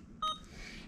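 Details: Alaris IV infusion pump keypad press while programming a one-litre IV fluid bolus for a new adult patient in a nursing tutorial: a single short, high electronic beep in a quiet room.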